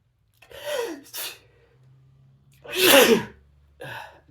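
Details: Adult sneezing while reading The Raven aloud: two sneezes, each a sharp burst of air after a short inward breath, followed by a brief sound.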